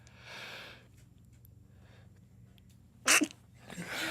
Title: MALE YOUTUBERS SNEEZE COMPILATION